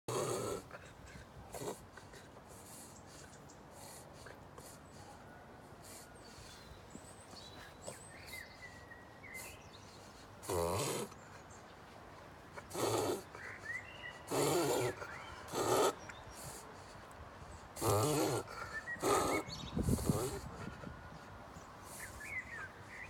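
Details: Repeated loud snorting inward gasps in short bursts from a dog, typical of reverse sneezing, a spasm of the soft palate and throat.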